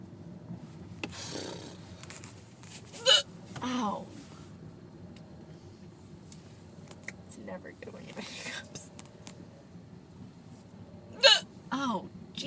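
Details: Adult woman with hiccups in a car after having a few drinks: a few abrupt voiced hiccups spaced several seconds apart, over quiet room noise and faint talk.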